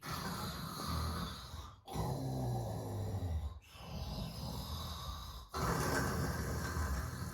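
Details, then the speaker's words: Likely imitated loud snoring, done at night as a prank on a father trying to sleep: slow, deep rattling snores, about three long breaths in seven seconds, each ending in a brief pause. "अरे भाई नींद आ रही है, क्यों खर्राटे भर रहा है? आराम से सो जा। मैं थोड़ी भर रहा हूँ, आ रही है घराटे, क्या करूँ?"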